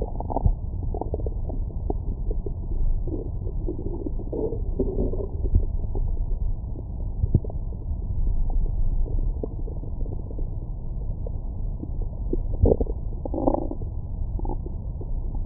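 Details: Own abdomen recorded with a stethoscope microphone after a large meal: steady deep rumbling with bubbling gurgles and a few louder squeaky growls, normal digestive bowel sounds.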